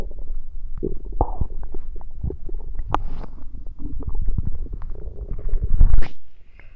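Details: Stomach gurgling during a tummy ache: low, bubbling, irregular gurgles and rumbles from the belly, rising to a louder churn near the end; active bowel sounds (borborygmi).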